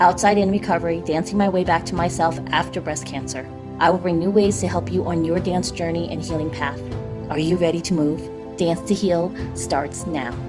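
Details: Adult woman speaking over music; normal voice.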